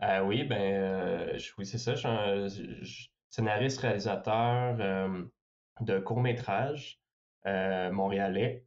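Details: Young adult man who stutters, speaking French, reporting mostly silent blocks and sometimes short repetitions, especially on his name; stuttering.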